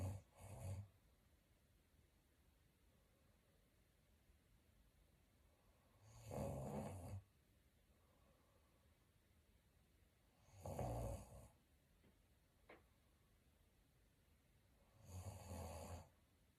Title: Snore like a chainsaw #sleepstream #sleeplive #sleeping #snoringasmr